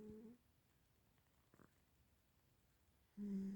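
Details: A sleeping cat gives low, humming snores on the in-breath, with quiet pauses between them; snoring.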